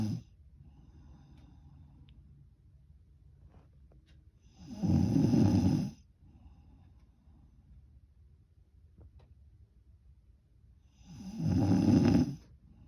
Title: More snoring. #night #snoring